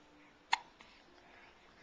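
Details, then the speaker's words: Baby falling asleep with hiccups; a single sharp, quiet hiccup in a quiet room. "hiccup man pick up man wow you got through those hiccups well there they are"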